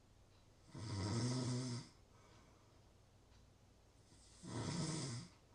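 Two low, rattling snores on breathing in, about a second each, separated by quiet breathing out; ordinary snoring.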